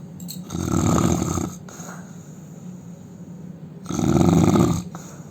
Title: indian man snoring loudly